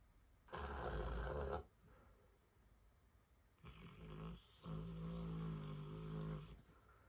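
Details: A cane corso, a large dog, sleeps while its owner works from home and gives two loud, low, rumbling snores, the second longer with a brief catch, with a quiet room between breaths; snoring.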